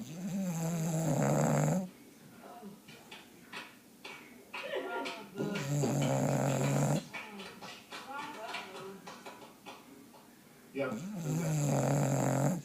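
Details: Bulldog snoring while asleep: loud, rumbling, long drawn-out snores with quieter snuffling between them.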